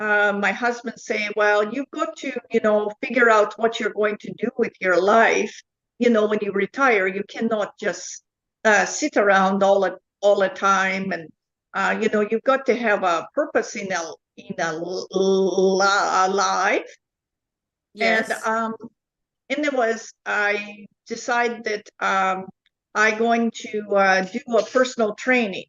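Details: Adult woman with foreign accent syndrome since July 2010, after an event that year, diagnosed by a neurologist; accent shifts (Chinese, Irish, South African, Dutch-sounding); also memory, number and comprehension deficits; foreign accent syndrome.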